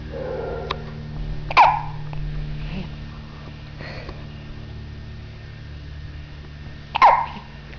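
Two abrupt, brief voiced catches about five seconds apart in a quiet room, consistent with hiccups.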